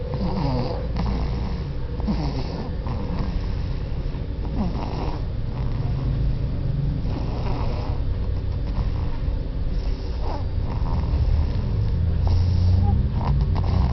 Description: super loud snore of a baby